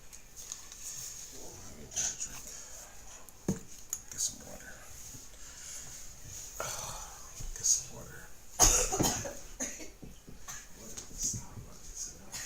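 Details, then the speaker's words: Adult giving a few short, sharp dry coughs in a quiet room with steady hiss; listeners judge them intentional rather than from illness. "This sound these cough sound very intentional."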